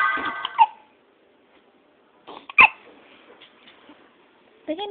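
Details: Brief sharp hiccup sounds from an infant girl, with an adult talking softly nearby; hiccups.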